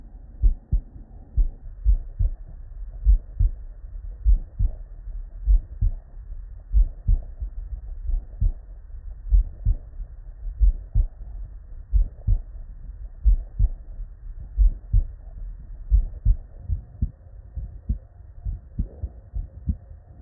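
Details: Real, unedited human heart sound recorded at the bedside: clear low lub-dub beats, roughly 60 to 70 a minute, with distinct first and second sounds and no extra noises; normal heart sounds.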